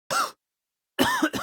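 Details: Dry cough: three short, harsh cough bursts without rattle or gurgle.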